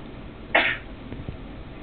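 One short, sharp burst of air with a hiss, followed by faint snuffles: a single sneeze.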